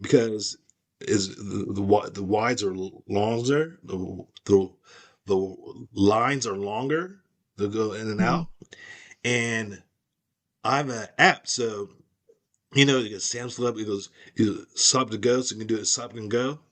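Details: Aphasia caused by stroke, in an adult man.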